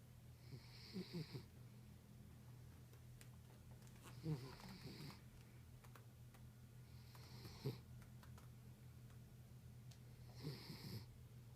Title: terrier snoring